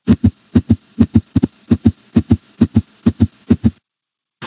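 Fast, regular paired heart sounds at about 130 beats per minute, followed by a brief burst of noise: tachycardia.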